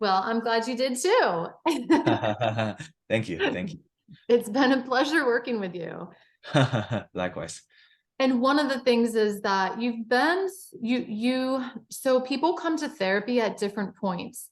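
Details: Adult speakers in conversation, mainly a woman; ordinary conversational speech.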